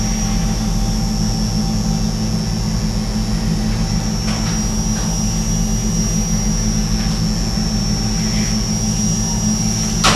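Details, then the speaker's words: Arthroscopic burr entering from the back and slowly advancing in a right shoulder during subacromial decompression: loud continuous motor whine and rumble with a steady high tone. "we've got the shaver or the bur rather coming in the back and then we'll slowly Advance"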